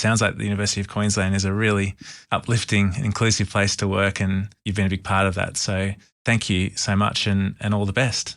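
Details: Adult male speaker; typical speech.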